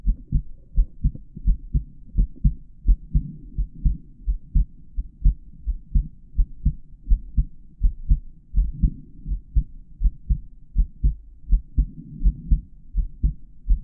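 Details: Adult male heart auscultated over the valve areas, recorded with a microphone inside the stethoscope earpieces: normal heart sounds.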